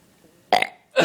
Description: This 3 year old boy can burp at will!!